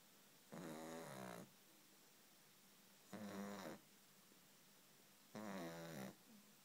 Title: SNORING PUPPY! Soo cute!!!!!